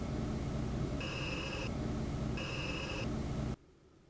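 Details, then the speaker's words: Yuwell BreathCare III CPAP running at 10 cmH2O with the tube held closed (no leak), measured at 43–44 dB: steady airy whooshing with two short electronic beeps, then the sound drops away. "So with the Yuwell, it was showing me 43 to 44 decibels as opposed to 39 to 40 on the AirSense 11. So the AirSense 11 is significantly quieter."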